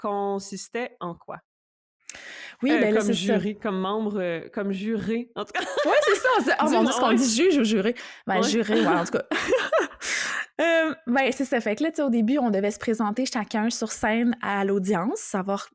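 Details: Adult woman speaking French; no disorder.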